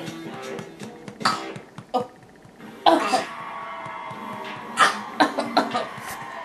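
Several short, abrupt adult coughs, some in quick clusters, over television music in the background.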